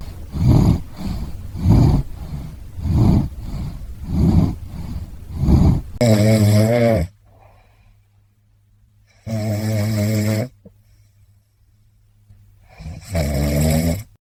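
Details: Orange tabby male cat in deep sleep, with rhythmic purring snores, then longer loud buzzing snores with pauses, about 16 a minute; snoring.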